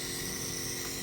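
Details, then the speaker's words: Compressor nebulizer switched on at home to nebulize a baby with a cold and cough: loud, steady, buzzing motor whine. "तो आप जो है ये ऐसे लेकर और यहाँ एक पीछे ऑन ऑफ का स्विच है, इसको ऑन कर दीजिए।"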